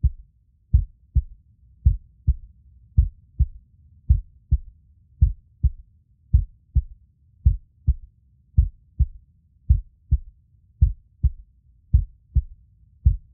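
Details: Heartbeat recording meant for sleep and relaxation: a steady, regular, deep lub-dub at about 54 beats a minute.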